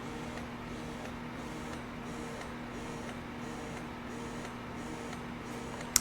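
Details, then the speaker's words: Momcozy S12 single wearable electric breast pump with 24 mm flange, switched to expression mode after let-down, on level one: low steady motor hum with soft, evenly spaced rhythmic pulsing and faint clicks, quiet overall. "once you get your let down you can easily press the m button again which is for mode and that will switch you to the expression mode this is the expression mode"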